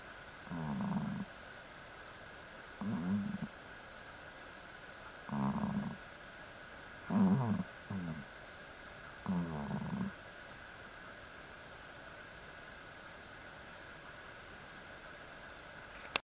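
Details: Ario snoring: five low rumbling snore bursts about every two seconds or more, with quiet gaps, in a quiet room; snoring during sleep.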